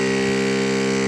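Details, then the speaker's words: Oxygen concentrator just switched on after a major repair (power supply reinstalled): steady loud motor hum with constant droning tone, output airflow felt; running normally. "Wow, it definitely works. It definitely works. This is the output."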